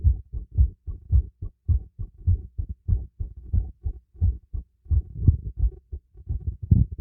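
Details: Normal heartbeat heard through a stethoscope during light exercise: quick, muffled low thumps, rapid and fairly regular.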